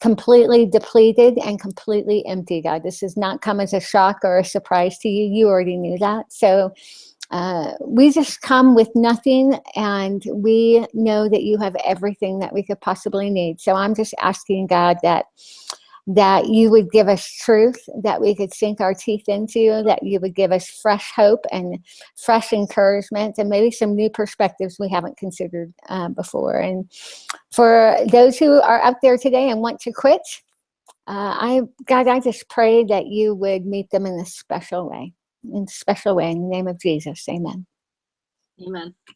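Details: Adult woman with a lisp after glossectomy (loss of her tongue); she says the lisp is very obvious to herself and others.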